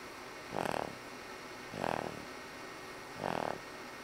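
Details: A boy snoring; three rattling, fluttering snores about 1.3 seconds apart over a steady low hum.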